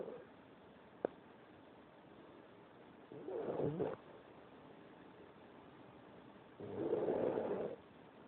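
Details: Snoring: two soft, fluttering snoring breaths about three and a half seconds apart over a steady background hiss.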